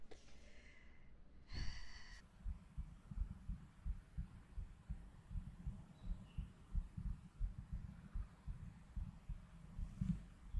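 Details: Steady, regular low heart thumps, roughly 100–110 per minute, after a brief tone at the start, recorded during an ASMR stream. Normal heartbeat.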